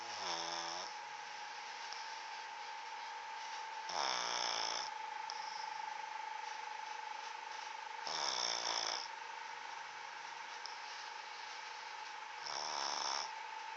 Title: snoring pt. II